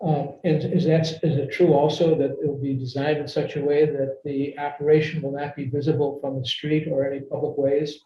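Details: Adult man speaking; ordinary speech.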